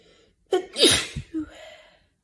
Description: Hey everyone! This video includes some stifled and mostly unstifled sneezes.